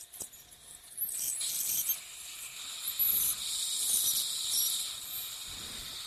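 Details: Ultrasonic piezoelectric bone saw cutting sinus-floor osteotomy during sinus technique, depth watched to avoid perforation; high-pitched hissing, chirping whine.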